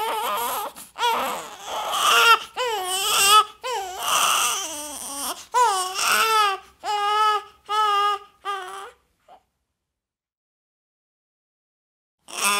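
A newborn cries in repeated rising-and-falling wails with short gasps between them, then falls quiet.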